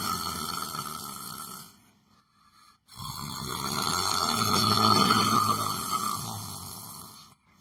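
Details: Person sleeping while sitting on a chair: long, loud, rattling breath sounds with brief pauses between them; heavy snoring.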